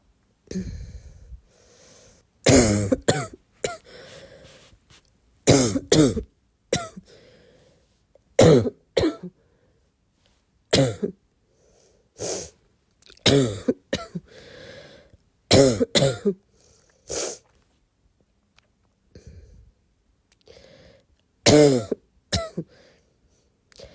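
Repeated harsh, hoarse coughs in short clusters, with a barking quality and quiet breathing between bouts.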